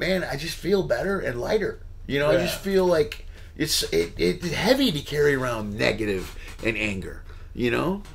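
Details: Adult male speaker; normal speech.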